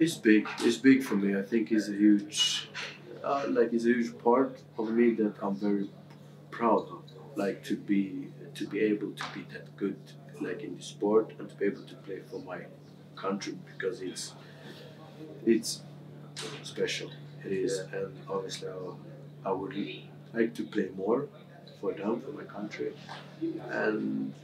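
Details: Adult male footballer who has stammered since about age six; stammer varies day to day; stammering.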